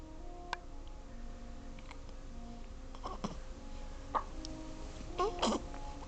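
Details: Baby twins alternating hiccups: several brief, irregular hiccups over soft background music.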